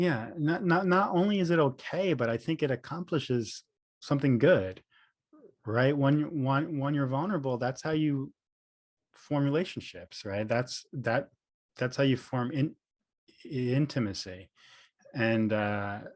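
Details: Adult man, speech therapist and professor who stutters, with audible repetitions and fillers; stuttering.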